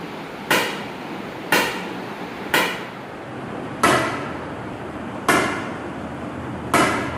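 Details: Live ESWL lithotripsy for a roughly 13 mm left kidney stone: loud sharp cracks about every second, six in seven seconds; lithotripter shock waves.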